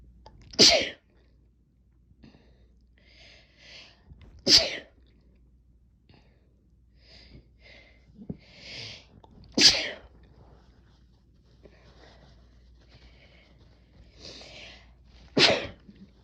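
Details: Sneezes triggered by a new, intense chhinkni snuff that causes a strong tickle: four forceful sneezes, roughly every four to five seconds, with soft breaths and sniffs between.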